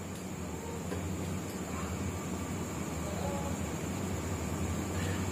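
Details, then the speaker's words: Digital home blood pressure monitor on a person's own arm: steady low motor hum and buzzing vibration as the pump inflates the cuff, which deflates automatically afterwards; normal monitor operation. "इस तरह से start होता है तो इसके अंदर हवा इंंफ्लुएंट है जिससे हमें घबराना नहीं चाहिए"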